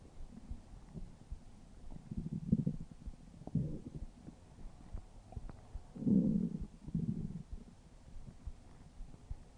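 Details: Stomach growling (borborygmi).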